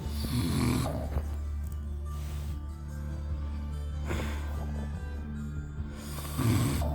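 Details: Adult man (husband) snoring in sleep: rough snoring on inhalation over steady background music.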